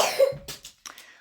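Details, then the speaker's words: A brief run of harsh, dry coughs from a child with severe spasmodic coughing worsened by cold air; throat swab taken, and the mother suspects whooping cough; dry spasmodic cough. "Лев, як ви чуєте, жахливо кашляє, тому він до сих пір вдома. Вчора він прям так заходився, закашлювався на вулиці від холодного повітря."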